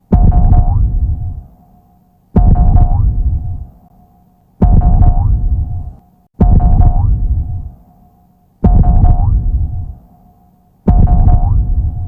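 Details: Stylized cartoon heartbeat sound effect (Luffy, Gear 5), not a real heart: slow, heavy drum-like throbs with a ringing tone, about 27 a minute.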